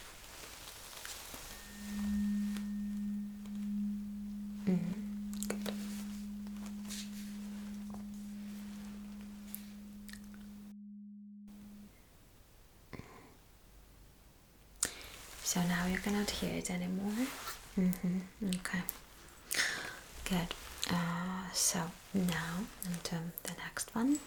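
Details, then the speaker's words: Simulated Rinne test in an ASMR cranial nerve exam roleplay: steady pure hum of a struck vibrating tuning fork placed on the bone behind the ear for bone conduction, fading over several seconds. "so I'm supposed to place this vibrating tunin Fork right behind your ears it's like um okay uh it's more about this bone conduction"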